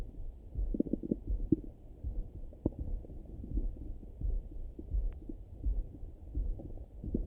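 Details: Person's own morning stomach rumbling through a stethoscope on the belly: low irregular gurgles and rumbles, ordinary bowel sounds (borborygmi).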